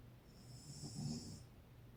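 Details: Adult woman (mother) snoring: a single low, rumbling snore with a faint high whistling edge, over about two seconds of quiet room noise.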